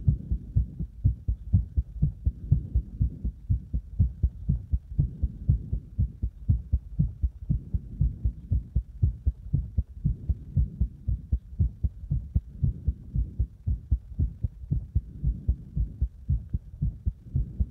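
Loud, fast, fairly regular low thumping heartbeat at about 118 beats a minute.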